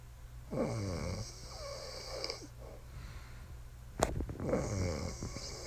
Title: Snoring wife strikes again